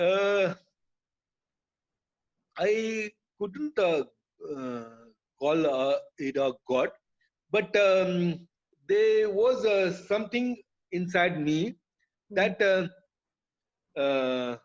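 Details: Adult man with aphasia after a haemorrhagic (burst) stroke that hit his speech centre; he was told he would never speak again; he relearned speech through years of speech therapy, and aphasia persists.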